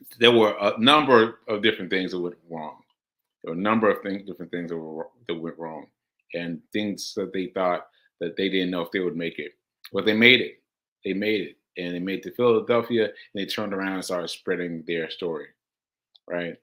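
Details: Man with aphasia after a stroke on July 14, about six months earlier, experienced when trying to communicate; aphasia.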